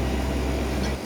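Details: Suction machine running, a steady low motor drone with constant hum, during a demonstration of oral suctioning of secretions using a suction catheter and NaCl 0.9% rinse, for a patient unable to clear sputum.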